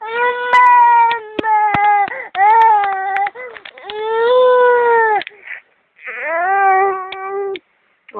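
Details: Young child crying in repeated drawn-out wails broken by catch breaths, with clapping and adult voices nearby; ordinary crying.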